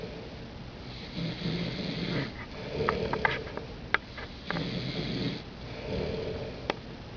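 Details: Soft, rattling snores on each breath with a few snorts and clicks, about three breaths in seven seconds; ordinary snoring.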